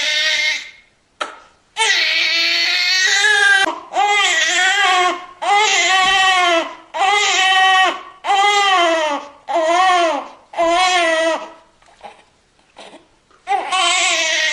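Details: Loud, high-pitched rhythmic wails from a newborn baby, broken by short gasping breaths; a normal vigorous newborn cry.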